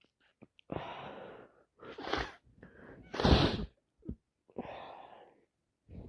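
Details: Several sneezes in quick succession with sharp in-breaths between them, a sneezing fit on day 3 of a common cold caught from a cousin.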